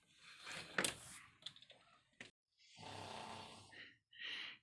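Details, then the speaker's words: Husband snoring in bed near morning, quieter than his very loud snoring at midnight; wife says it is getting worse. After quiet rustling, two rough, buzzing sleep breaths, one long and one short: snoring. "有一个会打呼噜的老公在身边睡觉，真是一个受罪呀。昨天晚上打呼噜，半夜打得非常响，现在还好一点点了呢，因为快到早上了，这个呼噜声音吧小了一点点，还在"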